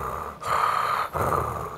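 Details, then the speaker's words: Imitated stertor demonstrated in a pediatric airway lecture: two coarse, low-pitched, non-musical snoring-like snorts, a nasal and pharyngeal noise like that of children with big adenoids, a bad cold or allergies. "But stridor is what you think of as snoring. And you've seen these patients come in with big adenoids or with a bad cold or bad allergies, and they're"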